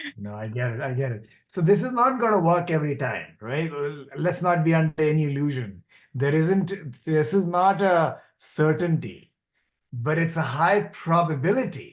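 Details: Adult man; normal speech.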